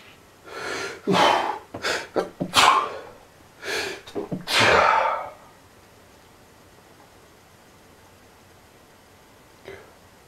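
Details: Person in a fast, loud, uncontrollable sneezing fit attributed to allergies: rapid forceful sneezes with short gasping breaths between, then quiet.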